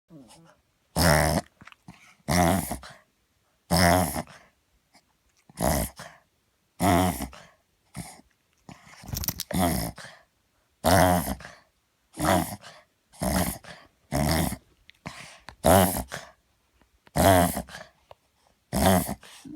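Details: Cavalier King Charles Spaniel's reverse-sneezing episode of unknown cause, repeated loud snorting inward gasps about 40 a minute through the clip; owner says it occurs on waking, excitement or tension and stops within a minute.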